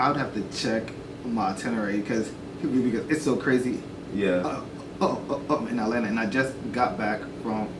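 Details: Adult man who says he stutters and at first did not want to show it on camera but later chose to turn it into a positive; stuttering.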